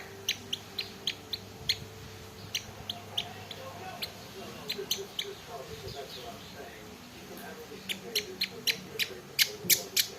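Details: Rapid, sharp, clicking high-pitched bursts from a hoarse, coughing white-eye (pleci), a small bird; coughing with hoarseness, which the owner says is severe and treats with drops.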